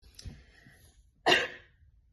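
One short, forceful dry cough in a quiet room.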